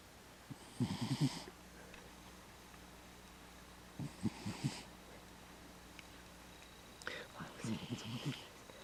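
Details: A sleeping cat snores softly in low, rattly bursts, about three in the span; the owner says he has done this as long as they remember and considers it normal.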